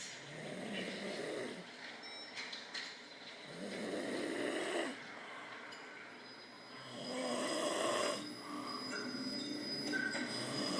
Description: Watch the eye's! As he snores like a sound check! Eeeee